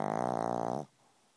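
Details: Pug snoring right by the recorder's ear: a single brief, buzzing, vibrating snore, then quiet.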